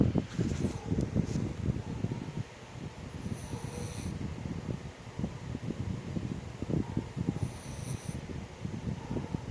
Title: Snoring doa